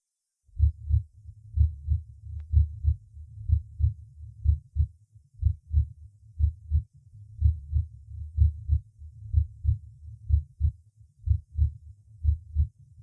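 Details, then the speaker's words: Fourth auscultation point (xiphoid process, tricuspid valve/right ventricle): normal heart sounds, regular about 62/min, slightly quieter than at apex, first sound louder than second. "аускультативно я картины здесь близка определяемой на верхушке однако громкость тонов несколько меньше обратите внимание на преобладание громкости первого тона"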